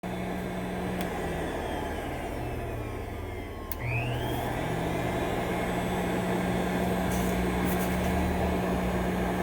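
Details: Respironics CA-3000 Cough Assist mechanical insufflation-exsufflation device operating: steady blower hum with a pitch shift partway through as it cycles airflow.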